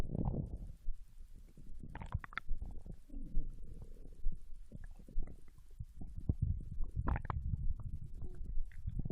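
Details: Bowel sounds recorded from a Japanese girl lying on her side in bed while digesting ramen: low abdominal gurgles and rumbles with irregular bubbling bursts, ordinary digestion after a meal.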